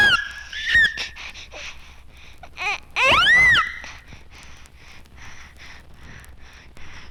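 Infant with short, shrill high-pitched cries and gasping, sighing breaths between them: deep sighing (Kussmaul) respiration of metabolic acidosis.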